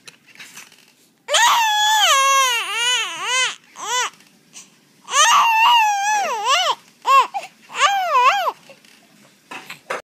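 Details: Baby crying: loud, rising and falling wails with short pauses for breath, in a quiet room; infant cry.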